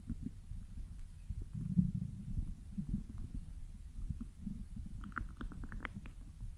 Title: stomach growling 💕